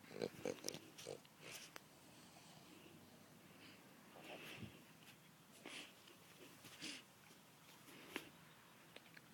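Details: French bulldog snoring while sleeping in a swing.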